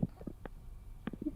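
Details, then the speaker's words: Stomach rumbling (borborygmi) from hunger: low gurgling and bubbling bursts with brief squelchy pops in a quiet room, likened to an earthquake. "what what was that noise that is called my stomach noises no it sounds like there is an earthquake going on so my stomach says i'm hungry"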